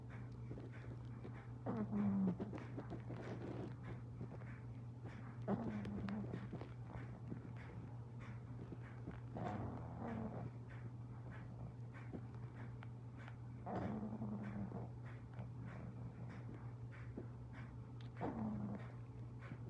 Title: 60 seconds of cute snoring pug